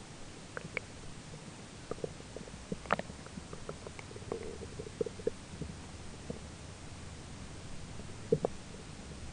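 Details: Adult's own stomach recorded during digestion, with a roommate talking in the background: stomach grumbling, ordinary bowel sounds (borborygmi).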